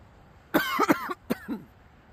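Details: Two short, voiced, throaty coughs from a man outdoors; a brief dry cough.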